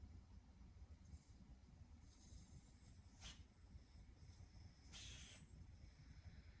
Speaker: And then as I pull out, we're going to walk it out as we suction. And right now it's suctioning.